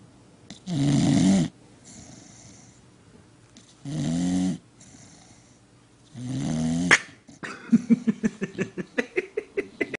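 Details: Snoring from a sleeping pet dog named Baby.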